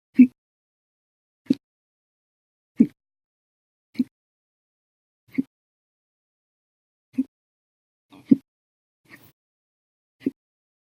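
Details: Violent, loud hiccups, about nine sharp gulping clicks one every one to two seconds with a brief pause; the episode lasted 12 hours 30 minutes.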